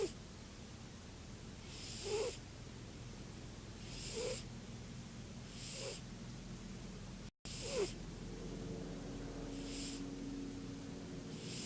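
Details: Snoring in a sleeping mother cat: soft, regular, brief hissy snorts with a faint whistle, about 28 a minute over low room hum.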